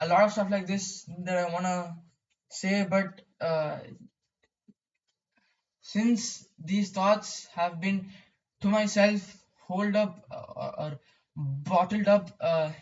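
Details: Stuttering in a male speaker who describes his own stammering.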